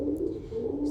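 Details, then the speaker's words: Stridor teaching example: continuous tonal, musical upper-airway breath noise, mainly heard on inspiration but possible on expiration, from upper airway narrowing, as in croup, after intubation, or with a foreign body. "berikut merupakan contoh suara nafas stridor suara nafas stridor terdengar seperti hijtink sout dimana sering terdengar di saat inspirasi namun dapat juga terdengar di saat ekspirasi"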